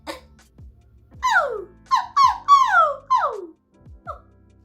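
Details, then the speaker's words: Vocal tic in an adult who suspects Covid gave them a tic disorder (long Covid); on a good day, after days of ticking every couple of seconds. "They tend to come out a lot more, and that's not, this is a good day, because the last few days I've been ticking like every couple seconds."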